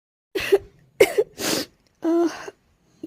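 Four short voiced cough and throat-clearing bursts from an adult woman, acted for demonstration.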